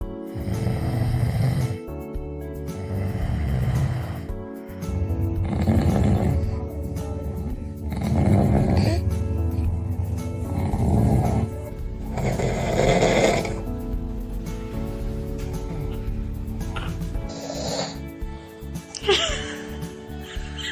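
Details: Loud, rattling snores repeating every couple of seconds from a sleeping dad, over background music; heavy snoring.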